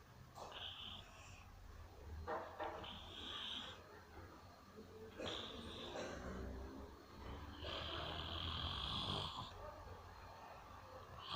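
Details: Mother snoring: rough, rattling snore sounds with each breath over low room hum, some with a high hissing edge; snoring during sleep.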